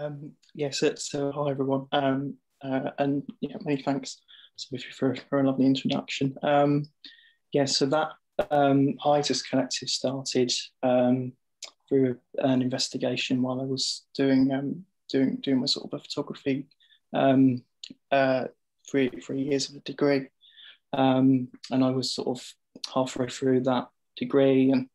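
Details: Adult male arts producer who stammers and reports having a rough time with his fluency, speaking on a panel; stammering.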